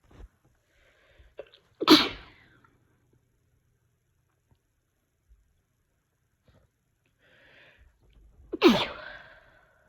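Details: Two sharp, explosive sneezes, each preceded by a quick in-breath, several seconds apart in a quiet room; sneezing.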